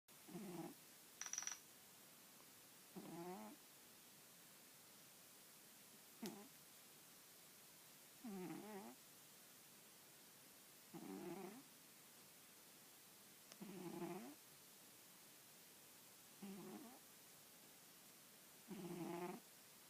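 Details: Cat asleep atop an old newspaper, head resting on an arm: soft rattly snores about 22 a minute, unevenly spaced, over quiet room noise; snoring.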